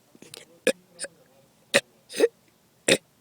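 Five brief, abrupt vocal bursts at irregular intervals in a quiet room, fitting hiccups.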